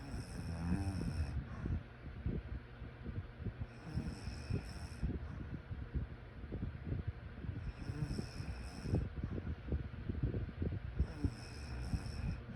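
Low, rumbling noise with irregular throaty flutters through the breaths, faint hiss in the background; snoring during sleep.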